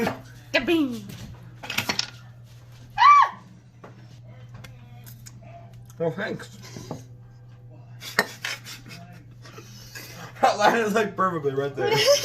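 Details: Woman with Tourette syndrome producing involuntary vocal tics with coprolalia.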